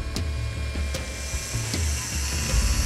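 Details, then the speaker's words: Surgical drill's low motor rumble with ratcheting ticks as a pin is drilled through a stray puppy's leg bone to hold the realigned pieces. The leg was previously broken with severe scar tissue, repaired in a 3-hour surgery. "dr. Jeff has to drill a pin through peppermints leg to keep the pieces aligned so her bones can heal"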